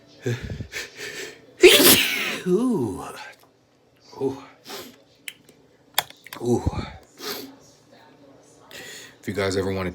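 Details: Deliberately induced sneezes by a person with a stuffed, tickly nose whose sneezes had been getting stuck: a loud, forceful sneeze with sharp intake, quieter breaths and sniffs, then a second sneeze-like burst; sneezing.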